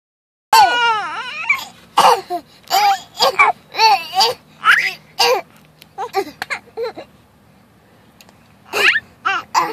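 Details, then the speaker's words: A girl coughing while her sister laughs; cough. "You like when your sister coughs. I don't like it though when I cough."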